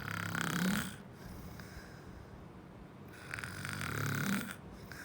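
Two rough, rattling snores on breathing in, about three seconds apart, with quiet breathing between.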